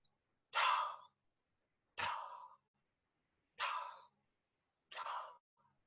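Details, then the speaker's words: Vocal imitation of the early diastolic murmur of aortic regurgitation: four soft, breathy, blowing sounds, each fading away. It is heard best in the sash area, from the aortic area to the mid left sternal edge, with the patient leaning forward and breath held in expiration. "So, it's heard best in this sash area. It is a It is a early diastolic murmur. Early diastolic murmur."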